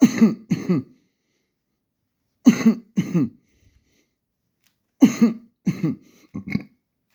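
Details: Person prescribed two weeks of antibiotics by a doctor for the cough: three runs of short coughs and throat clearing, two or three bursts each, separated by quiet pauses; dry and hacking.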